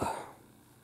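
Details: A single short, harsh cough that fades quickly, from an adult on day six of illness with sore throat, red eyes, muscle aches and clogged ears.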